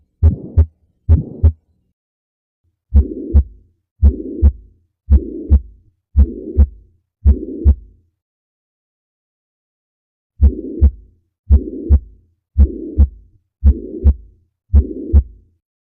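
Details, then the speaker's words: Heart murmur heard with a stethoscope: regular paired heart sounds near 56 a minute, with a whooshing, swishing sound from turbulent flow filling the gap between them. "Clinically, it's usually described as a whooshing or swishing sound heard on oscultation with a stethoscope, often due to valve stenosis or regurgitation. Now let's listen to some real murmur sounds."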